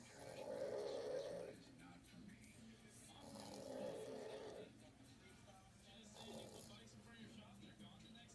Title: 1 sock 1 snoring parent